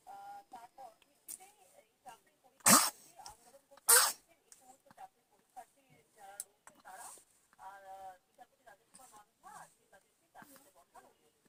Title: cute baby sneezes 🥰🥰😂😂#trending #viral #short video #youtube shorts #short